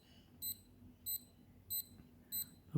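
Short high-pitched electronic beeps repeating regularly, about 95 per minute: a pulse oximeter beeping with each detected pulse.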